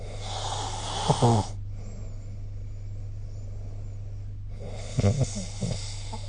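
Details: Snoring recorded with the SnoreLab app: low, rattling snores on breathing in, separated by quiet pauses, over steady low room hum.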